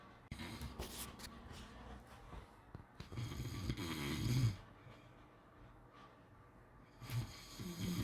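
Soft, irregular snoring with rough low breaths and snorts, some faint room noise. Snoring during sleep.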